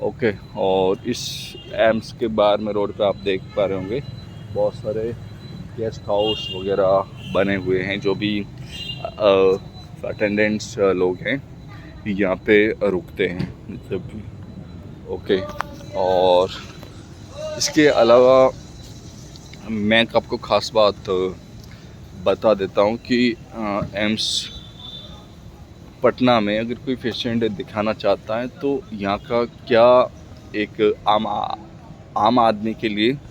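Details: Adult man speaking Hindi who stammers, speaking for his own practice; word repetitions heard; stuttering.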